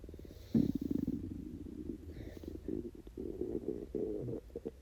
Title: 24 HOUR FAST!!! (starving stomach growls!)